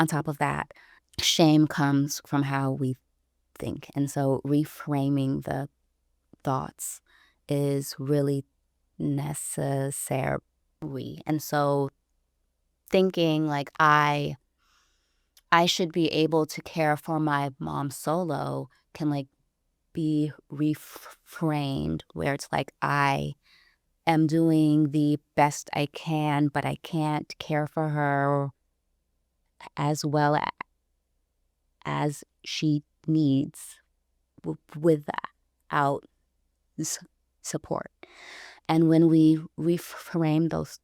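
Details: Stuttering in an adult woman who identifies herself as a person who stutters.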